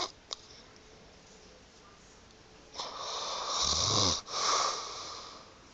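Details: Chronic snoring in a female with loose "fish lips": one long, loud fluttering breath with lip flapping and a whistling hiss, then a second breath; lips vibrating during sleep.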